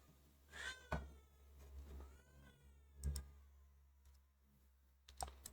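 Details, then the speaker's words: Faint, drawn-out wailing of a baby crying in the background during a screen-recorded software tutorial, mixed with keyboard typing and clicks. "I wonder if you guys can hear the baby crying in the background."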